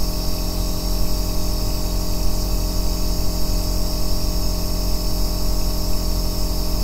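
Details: Aerosol nebulizer compressor running continuously, recorded as an ASMR white-noise track for sleep and relaxation: an unbroken bass motor drone with a soft airy hiss over it.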